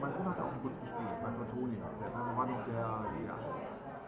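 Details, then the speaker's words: Simulated age-related hearing loss: muffled, dull crowd conversation lacking crisp high frequencies, showing how the conversation blurs. "así suena aproximadamente una conversación para las personas con alguna pérdida auditiva relacionada con la edad"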